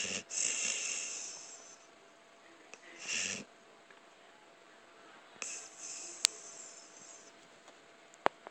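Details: A man, called "papa", snoring very loudly, recorded on a phone.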